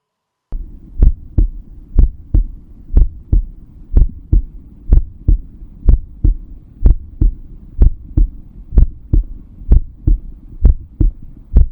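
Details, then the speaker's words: Normal heart sounds of a healthy 16-year-old girl, the first recorded digital stethoscope sound, heard over the tricuspid valve area: regular lub-dub at about 62 beats a minute over a low hum. "सबसे पहले एक स्वस्थ 16 वर्षीय लड़की के हृदय की धड़कन को रिकॉर्ड किया गया। जैसा कि ट्रास्किप्टिक बॉल क्षेत्र पर डिजिटल स्कोप से सुना गया।"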